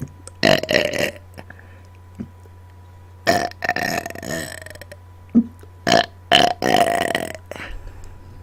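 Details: Deliberate, on-command burping and burp-talking: repeated loud, drawn-out belches, some stretched like talking.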